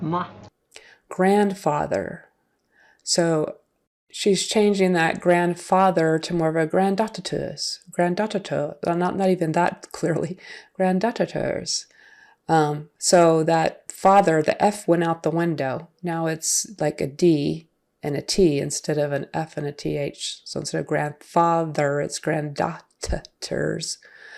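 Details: Adult speaker; typical speech.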